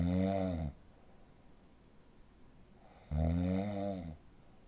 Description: #睡眠時無呼吸症候群 患者本人と周りの人を苦しめるいびき音です。